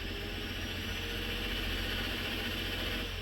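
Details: Cough assist (mechanical insufflation-exsufflation) device, positive then negative airway pressure to pull out mucus, run with preset settings while the patient is coached to inhale: steady whir, airflow rush and fast fluttering pulse; device cycling.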